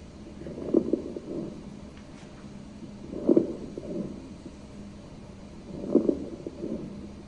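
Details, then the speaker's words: Crackles (rales) in a patient with very short inspiratory time: three short breaths, each ending in soft bubbly crackling sounds at the end of inspiration, from fluid or secretions in small airways. "you hear that kind of bubbly sound at the end of inspiration that's the RS so it's going to sound like a bubbly sound or a crackling sound a lot of times we get that crackling sound that we call Ral"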